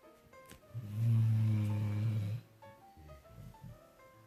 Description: 1am and my dog is snoring so loud Ive been woke up by him.